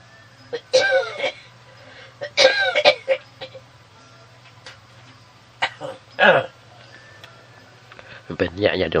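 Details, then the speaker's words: A Buddhist novice monk coughs during a radio dharma broadcast: a series of harsh coughs and throat-clearing over a steady electrical hum, then speech resumes and he apologizes for the coughing. "ทั้งหายขออภัยเถอะได้ยินเสียงวัดเสียงไอก็ต้องต่อสู้กันไป"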